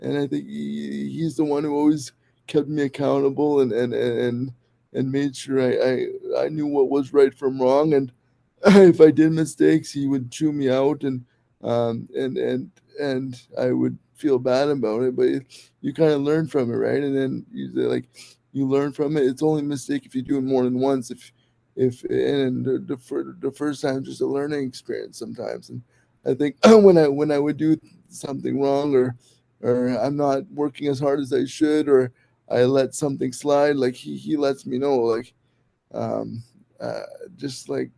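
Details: Dysarthria in an adult male podcast host with severe cerebral palsy.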